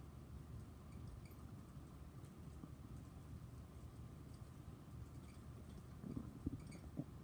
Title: Stomach growling from chocolate milk